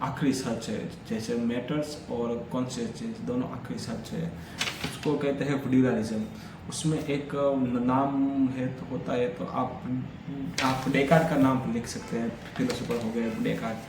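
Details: Adult man with stammering, speaking continuously for about 10 minutes as reading and storytelling practice on day 3 of a daily fluency routine that includes breathing and relaxation exercises; stammering.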